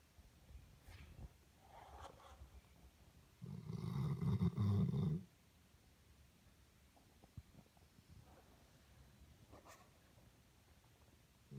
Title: my dog snore 2